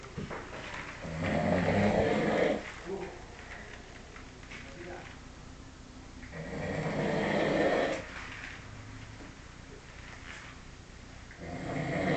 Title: RONCANDO